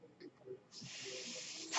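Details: The speaker's own mechanical ventilator heard during speech: a steady airy hiss after a brief quiet stretch as the ventilator delivers a breath.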